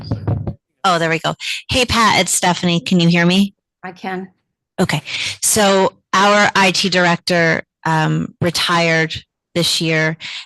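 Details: Adult speakers, remote meeting call; ordinary speech.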